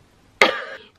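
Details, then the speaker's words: Adult woman with a heavy common cold, coughing all night; a single short, harsh cough with a brief rough tail after a quiet moment. "I just ignored my voice because I've been coughing all night."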